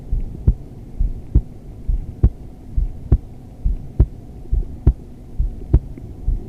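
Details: Adult female heartbeat recorded during yoga, in wide-legged modified child's pose: steady, regular low thumps at about 68 beats a minute over a faint hum; normal resting heartbeat.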